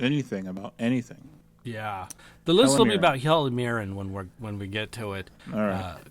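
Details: Adult male speaker; normal voice.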